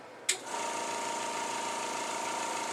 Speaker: then what you're going to do still keeping that dominant hand sterile is you're going to take your non-dominant hand go ahead and turn your suction machine on